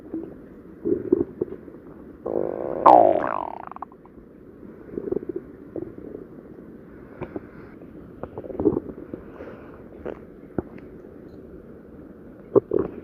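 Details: Stomach growling (borborygmi): low gurgling rumbles with a louder rising squeal, from gas and fluid moving through the gut.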